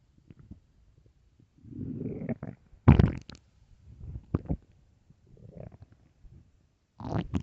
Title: empty deep hunger stomach growls part 1